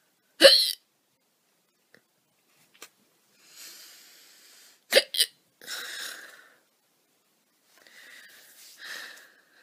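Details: Three sharp, loud hiccups from a girl, two close together, separated by quiet breaths and sighs.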